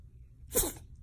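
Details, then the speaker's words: Female cat with sneezing fits for as long as the owner has had her: a single sharp, hissing sneeze, part of a sneezing fit; sneeze. "So this is my cat Freddie, and she's had sneezing fits for as long as we've had her."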